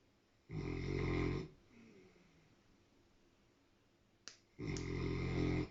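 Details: Dog snoring loudly while wearing an Elizabethan collar after sutures, since it licked the stitches: two deep, loud, rattling snores separated by a quiet pause, with a faint click before the second.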